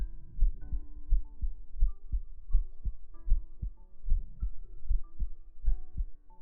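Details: Heartbeat sound in an ASMR stream: soft, steady low thumps at roughly 78 beats a minute, with gentle sustained musical tones in the background.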